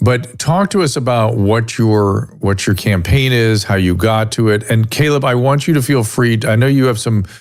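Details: Adult male speaker; normal voice.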